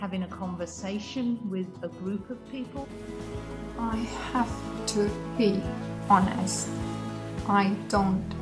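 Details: Aphasia in an adult woman after brain damage, first noticed on waking in hospital; initially could say only yes and no, took a year to grasp she had aphasia, still improving over time.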